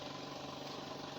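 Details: Steady motor drone with a rapid pulsing rumble from a medical suction machine running continuously, with adjustable pressure.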